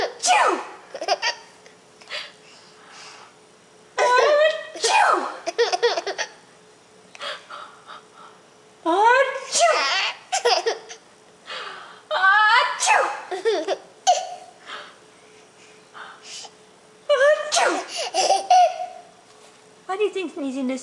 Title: Baby Laughing at Mom Sneezing